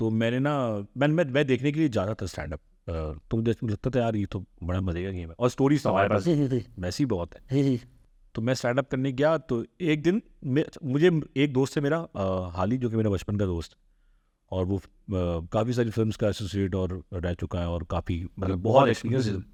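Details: Adult man who has stammered since childhood; stuttering.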